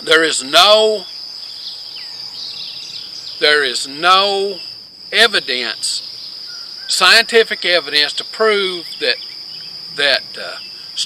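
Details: Adult man with long-standing multiple sclerosis, with word-finding difficulty, who quit teaching physics because of it; finding: scanning speech (ataxic dysarthria).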